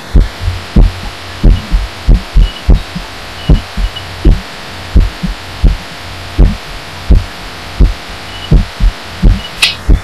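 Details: Own heartbeat recorded lying down with the chest against a pillow, audio amplified: loud, muffled paired thumps about 85 per minute with slightly uneven spacing over a steady hum; person wonders if this could be arrhythmia.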